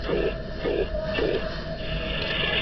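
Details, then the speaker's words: Example of a high-pitched heart murmur from a high pressure gradient: repeating whooshing bursts with each heartbeat. "This will create a subjectively serious sounding murmur, which is frequently termed harsh. Here's an example of a high-pitched murmur."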